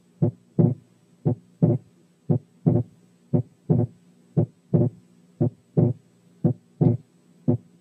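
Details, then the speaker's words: Wide persistent splitting of the second heart sound in right bundle branch block, breath sounds removed by filters: regular beats near 58 a minute, the split varying narrow to wide but present throughout breathing. "عيدوا الشريط تاني عشان تلاحظوا ان السبيتنج ساعات بيبقى نارو وساعات بيبقى وايد، انما موجود باستمرار، وده بيحصل في حالات الرايت باندل برانش بلوك."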